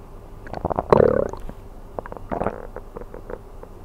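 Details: Stomach sounds of a person sleeping on an empty stomach (ASMR recording): gurgling, bubbling gut sounds with a longer squeaky rumble; ordinary bowel sounds (borborygmi).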